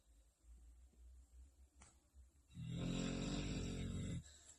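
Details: Dog (since deceased) snoring: a few quiet breaths, then one long, loud, rumbling snore on the in-breath.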